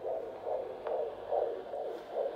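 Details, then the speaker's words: Fetal heartbeat on a handheld fetal Doppler over the maternal abdomen with coupling gel; fast, regular whooshing pulses about 140 a minute; normal (110–160). "we can see the display there so the fetal heart rate's normally between 110 and 160 out of interest we'll just have a listen on the other side so that's a bit more of a click-clacky sound which suggests that that's more likely closer to the fetal hub"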